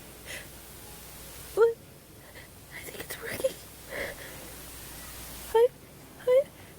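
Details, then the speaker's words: Girl acting rapid sneezing from dust tickling her nose: three short, quick sneezes with soft breathy sounds between them; simulated sneezing. "Dust is in my nose. I'm gonna. I can't stop it. It tickles so much."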